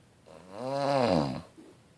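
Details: A single loud, rumbling, tonal snore on one breath in a quiet room.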